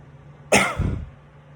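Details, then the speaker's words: Demonstration of breath-stacking cough technique: multiple inhalations stacked against a closed glottis, then one forceful expiratory cough; faint room hum; simulated teaching example. "and then stacking that would be multiple inhalations on top of each other against that closed glottis and then expiration so again"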